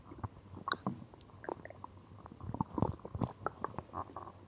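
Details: Stomach growling recorded after drinking cola: irregular low gurgles and squelches from the belly over a few seconds with a soft hiss behind, ordinary bowel sounds (borborygmi).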